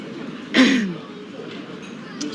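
One brief, forceful throat clear against steady room noise.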